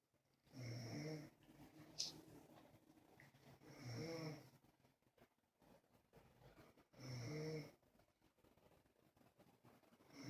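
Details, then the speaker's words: Low rumbling snores with each breath, about 19 a minute, in a quiet room from Bear, a sleeping dog; ordinary dog snoring. "you know I knew in the background he's a bear snoring hear that yeah ain't bear snoring"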